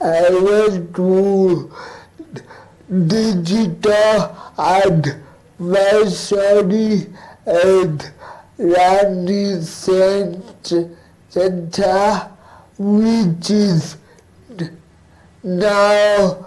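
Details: Adult male cerebral palsy advocate living with cerebral palsy, interviewed remotely; dysarthria (cerebral palsy).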